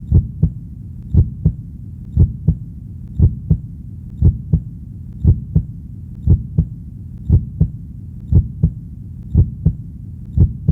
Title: Heartbeat Sounds | 30minutes